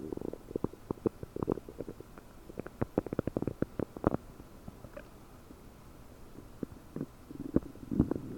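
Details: Loud, active bowel sounds (borborygmi) recorded with a desktop microphone about 9 hours after eating 30 prunes, with the belly described as bubbly and bloated: rapid bubbly pops and gurgles in bursts, a brief quiet stretch, then rumbling gurgles.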